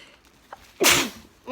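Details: Girl with a new nose piercing that gives her a funny feeling in her nose, who says she can't stop sneezing and sneezed about seven times: a quick intake of breath, then one sharp, hissing explosive sneeze.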